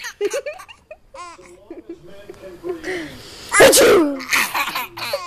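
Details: Single sharp sneeze from a 13-year-old girl playing with her 6-month-old cousin, after adult talk, followed by the baby's hard giggling laughter; an ordinary sneeze.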